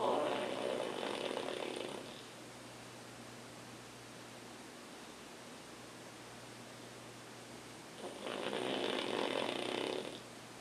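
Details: Pug snoring as usual: two long, harsh, fluttering snores about eight seconds apart with quiet between, noisy breathing through a flat-faced dog's narrowed airway; snoring.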